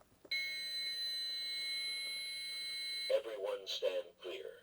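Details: AED charging tone during a simulated two-rescuer adult AED healthcare provider BLS training: a steady high-pitched tone as the AED charges after rhythm analysis, then a voice prompt telling everyone to stand clear before the shock.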